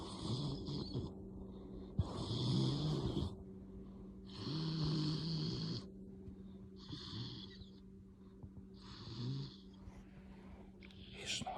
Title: Dog snores like old man. He is too cute and loud